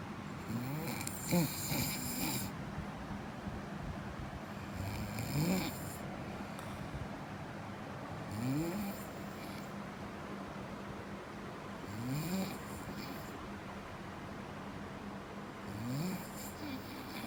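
Rough, rattling snores come in a slow, steady rhythm, roughly 15 to 17 a minute, over a faint steady hum. The finding is snoring.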